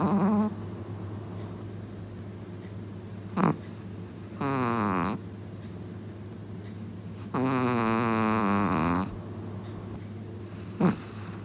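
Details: Dog in deep sleep snoring very loudly: short snorts and longer rattling, tone-sliding breaths recurring every few seconds against a steady low hum.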